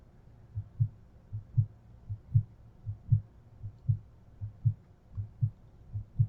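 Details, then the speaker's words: Normal heart sounds: regular paired S1 S2 lub-dub beats at about 78 a minute from a simulated adult heart, auscultated at the aortic area. "s1 s2 and pulmonic area s1 s2 at herb's point s1 s2 at tricuspid area"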